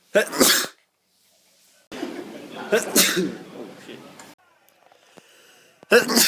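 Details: Sneezing compilation: three loud, abrupt sneezes, each a sharp burst of air, with quiet gaps between them; sneezing.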